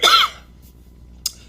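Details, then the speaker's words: An adult gives a single sharp, explosive cough, then a brief faint second burst: cough. "excuse me for my coughing there"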